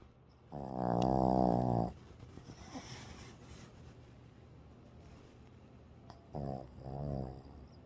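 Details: Sleeper snoring, possibly dreaming: loud rumbling snores with a buzzing, voiced quality, two in about eight seconds, over faint room noise.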